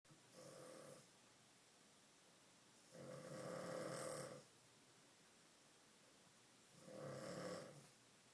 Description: My dog snoring like a grown man.